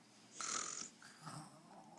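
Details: Child lying down, asked to pretend to sleep and imitate an uncle's snoring: a short, hissy snort followed by a softer rasping breath; imitated snoring.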